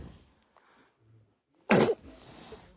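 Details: Baby girl sneezes: a single sudden, forceful burst of air after quiet breathing, with faint room noise, snorting around it; sneeze.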